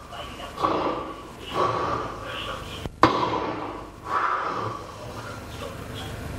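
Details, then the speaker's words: Obstructive sleep apnea: loud, rough snoring bursts coming unevenly, not periodic, with the sound stopping during breathing pauses. "burada ses kesildi Bu da halk arasında çok iyi bilinen uyku apnesi Evet duruyor çünkü değil mi hocam yani ip periyodik bir ses yok"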